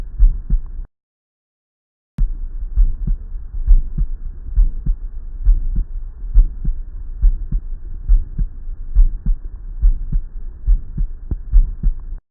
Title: Ejection systolic murmur